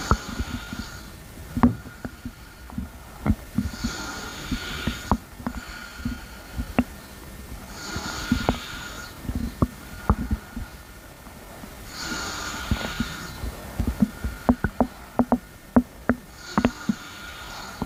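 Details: Stomach rumbling: close-up gurgles, pops and low rumbles of an adult stomach, with slow breathing audible in the background.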